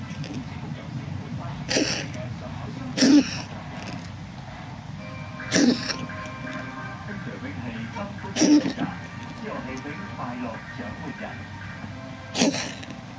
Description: the cold weather make my cat cough for over two weeks .